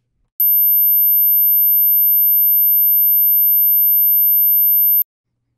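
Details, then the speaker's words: Steady, very high-pitched sine-wave pure tone, 13 kHz, about four and a half seconds, generated in Adobe Audition at −12 dB for an informal hearing-range test; listener says he cannot hear much above 14 kHz. "14 it's starting to 14 i know it starts to get a little bit high for me actually i don't think i can really hear much above 14k"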